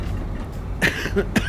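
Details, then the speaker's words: An adult man coughs a few brief, sharp times while playing Euro Truck Simulator 2, with a steady engine drone from the game behind. "excuse me i finally coughing aside i finally got my letter"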